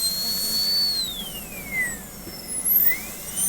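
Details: Steady high-pitched whine of a high-speed dental drill during a Class II preparation, its pitch dropping and rising as the bur loads. The bur cuts out to find a facial margin near the adjacent tooth, typically done with a 330 bur.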